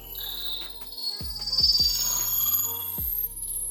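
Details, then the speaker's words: Acoustic feedback whistle demonstrated with a smartphone sound amplifier app, its microphone held close to a speaker: high-pitched whistle rising as gain increases, the same feedback as hearing aid whistling. "Поэтому, когда я подношу микрофон близко к динамику, появляется этот свист."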